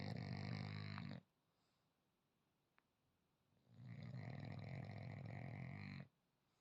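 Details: Sleeping French bulldog: two loud, rattling, low-pitched snoring breaths with a quiet pause between them; snoring.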